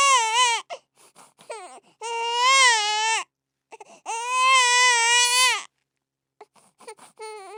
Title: Sound of Crying Baby